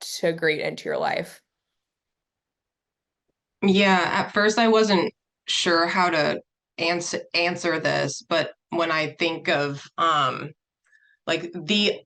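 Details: Adult who stutters speaking as a panelist, with audible repetitions and blocks; stuttering.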